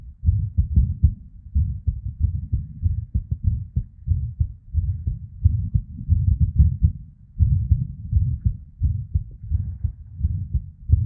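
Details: Irregular female heartbeat with PVCs/ectopic beats and murmur (blood flow) sounds.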